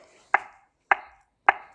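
Sharp, regular clicks about every 0.57 seconds, roughly 105 a minute: a defibrillator's CPR metronome pacing chest compressions.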